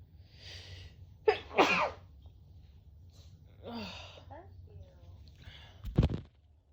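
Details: Adult with a cold sneezing, compilation: several sharp, explosive sneezes with quiet breathing between them.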